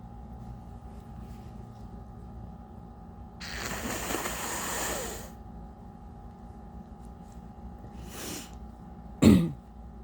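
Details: Adult with heavy congestion from allergies (not a cold), woke with a stuffy nose and sinus headache: a long, wet, snotty nose blow, a brief snuffle, then a single sharp cough.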